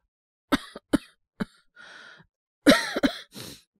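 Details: Acted cough by a male voice performer (all acting) portraying a young man with a cold: several short dry coughs in two bursts with a breathy exhale between; coughing since yesterday, no fever.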